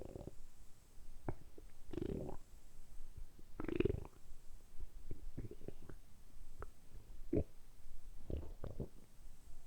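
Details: Deliberately produced borborygmi, recorded close up for ASMR during about 10 minutes of continuous belly sounds: repeated low gurgling and rumbling bursts.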